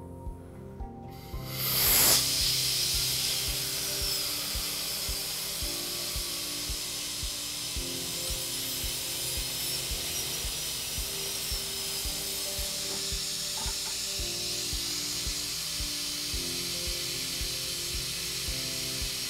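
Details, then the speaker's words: Dental drill whine with a brief loud burst, then steady grinding, bevelling enamel (starburst bevel) on tooth 7 after removing an old mesiofacial filling, Class III restoration under rubber dam, before OMNICHROMA composite; faint music. "so now we're just going to do a bit of a bevel and you can do more like a starburst bevel as well just to get different planes of the enamel and better blending with your product so we'll do that right now"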